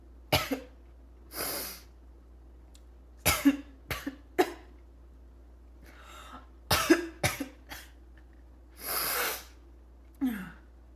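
Harsh, abrupt coughs in short clusters, separated by long noisy gasping breaths in; a barking, choking cough.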